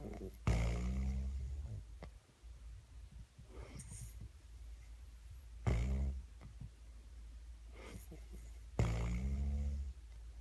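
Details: Snoring from an adult woman during sleep on a light night when she wasn't too tired: deep, low rumbling snores recurring every few seconds in a small room.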